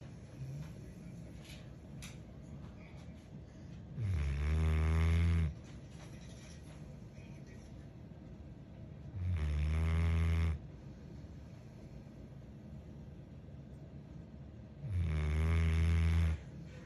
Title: Hers was so tired 😴 #corso #dog #canecorso #puppy #sleeping #woreout #snoring